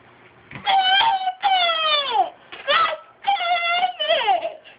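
Several short, high-pitched, wavering crying bursts with brief pauses between them, typical of an infant's fussing cry in a small room.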